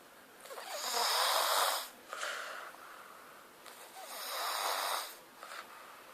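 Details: Two long, fluttering, rasping breaths with quieter gaps between them: steady snoring during sleep.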